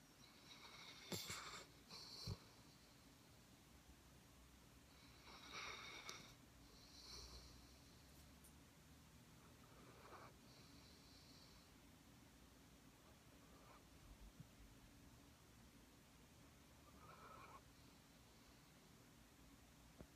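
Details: Soft, hissing snorts and wheezy snores recurring irregularly during sleep in a quiet room; snoring.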